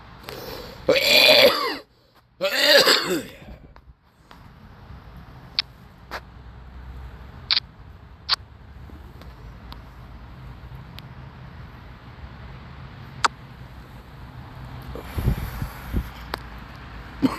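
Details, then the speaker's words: Productive cough: two loud, harsh coughs with a rough, congested quality, in which the speaker says mucus can be heard and says his cough is different now, followed by quiet room noise. "he and unfortunately even though I was coughing there you could hear the mucus but you could hear me struggling and it's because my cough is different now"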